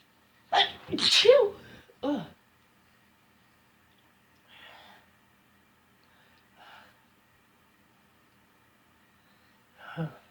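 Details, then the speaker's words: Powerful sneezes after attempted induction with a bobby pin, chutney having failed: two loud sneezes close together with a short gasp between, a few soft breaths, then a final stifled sneeze. "Oh gosh. Powerful sneezes tonight. Holy cow."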